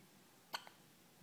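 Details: Two-day-old: one short, sharp, click-like catch in a quiet room, then a faint softer echo; a single hiccup.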